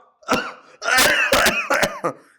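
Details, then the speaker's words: About five voiced, throaty cough bursts from an adult man in an acted comedy sketch at a doctor's visit; cough. "Doctor सा अपनी खांसी तो ठीक कर लो पहले"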